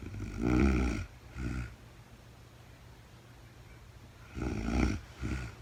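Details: Real-time recording of a woman asleep overnight, very tired, no talking (labelled REM sleep): a loud rattling snore then a shorter one, separated by a few seconds of quiet breathing; snoring.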